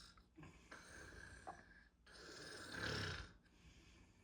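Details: Adult man (father) snoring, recorded up close: loud, rough, rattling snore on the in-breath with quieter breathing between.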